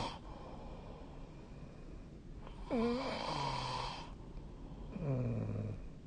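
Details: Sleep snoring on 2025/03/14: two loud snores on breathing in, each a rattling, groaning tone that sinks in pitch, separated by quiet breathing.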